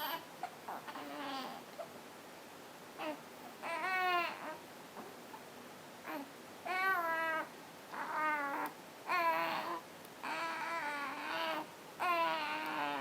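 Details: Infant being burped gives short fussy cries and whimpers in bursts with pauses, in a quiet room.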